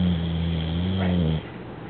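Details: Tilly snoring loudly while sleeping: one long, loud, low droning snore lasting over a second, then quiet; loud snoring.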